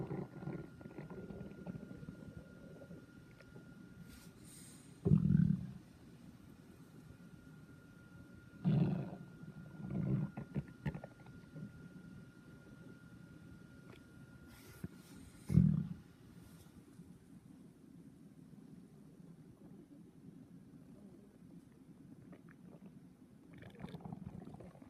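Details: Stomach growling (borborygmi): low rumbling gurgles in several short bursts over a quiet hum.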